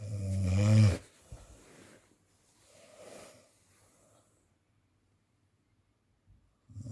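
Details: Loud, deep snore, then quieter breathing fading to near silence; snoring (ngorok) associated with sleep apnea.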